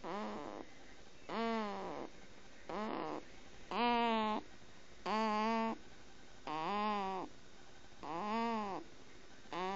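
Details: Rapid, whistling snores that rise and fall in pitch, about seven in ten seconds, with short quiet gaps between them.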